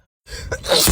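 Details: Woman sneezing on camera: a brief quick inhalation followed by one sharp, explosive sneeze burst.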